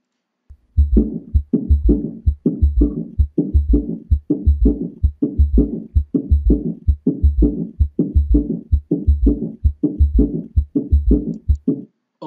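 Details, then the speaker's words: Heart auscultation: regular low heart sounds near 65/min in a galloping triple rhythm from an added third sound, an S3 gallop ("Kentucky"). "Và tiếng S3 chúng ta còn gọi là tiếng ngựa phi. Vậy thì trong sách Mỹ á, thì nó ở Việt Nam thì chúng ta nói là tiếng ngựa phi, còn trong sách Mỹ nó ghi là giống tiếng Kentucky."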